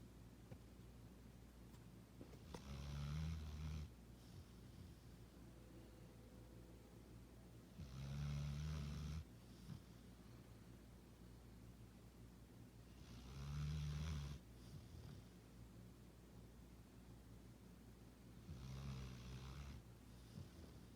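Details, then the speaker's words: Deep, low snores about 12 a minute with long quiet gaps between breaths, from a sleeper who is then woken and sent back to bed; snoring. "Are you sleeping? You were snoring, buddy."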